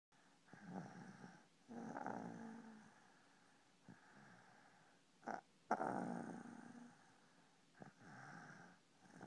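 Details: A dog snoring in a quiet room: rough, rumbling breathing in repeated cycles with a few brief snorts.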